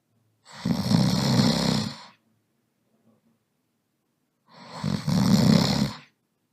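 Two long, rough, rattling breaths about four seconds apart, with silence between; snoring.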